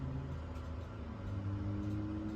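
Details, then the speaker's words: CNA skills demonstration on a mannequin arm: an electronic blood pressure monitor started and inflating the arm cuff with a steady low motor hum; normal device sound during a reading. "so I'm going to go ahead and hit start just all right and as that pumps up I'll"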